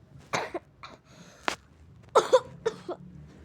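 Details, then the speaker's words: Acted, pretend coughs from a child in an Indonesian role-play skit, not a real illness: several short coughs; the other child says "you have a cough" and claims a cold instead. "Kamu sakit batuk ya?"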